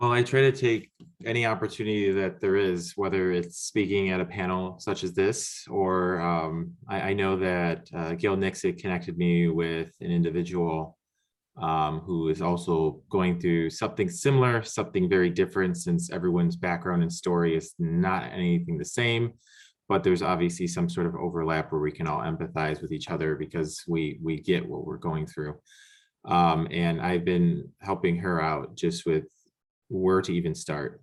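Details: Young adult man speaking; ordinary speech.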